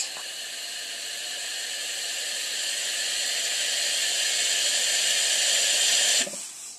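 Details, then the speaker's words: Puritan Bennett 840 ICU ventilator pre-use check, circuit resistance test on a heated, humidified circuit with inspiratory filter: steady rising airflow hiss for about six seconds, then a sudden stop; ventilator circuit resistance self-test. "and now we've moved on to our circuit resistance"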